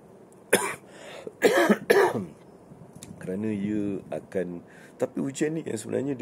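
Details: Three loud, harsh coughs in quick succession from an adult man, followed by voiced sounds, after about six days of a severe cough illness.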